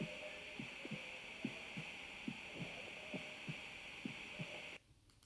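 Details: Steady paired lub-dub heartbeats, about 70 a minute, over constant electronic hiss, recorded with a homemade digital stethoscope; lung sounds also audible; normal heart sounds.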